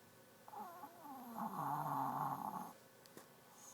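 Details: A single drawn-out, tonal, groaning snore lasting about two seconds from a pet sleeping under a desk, against quiet room noise; snoring.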